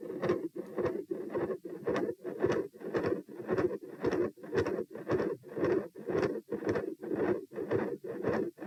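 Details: Heart murmur recorded at position P with the patient standing: a fast heartbeat at about 110 a minute, with a loud rushing murmur filling nearly every cycle. Large continuous murmur around S2, possible patent ductus arteriosus.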